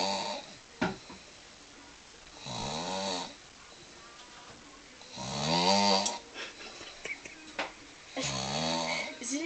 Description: yeah we could hear him over the tv so we recorded it just to prove to him that he doesn snore